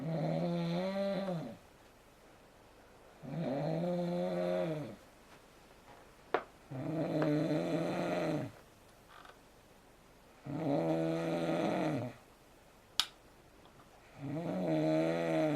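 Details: Person asleep in bed, with loud, rattling, tonal snores on each breath, about 17 a minute, quiet pauses between; bed partner sometimes moves to another room: snoring.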